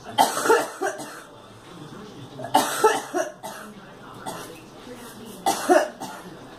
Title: Girl coughing